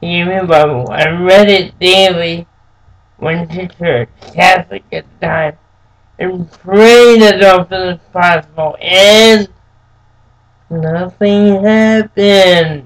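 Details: Adult man born with cerebral palsy, who says it makes him move and speak differently; dysarthric speech in cerebral palsy.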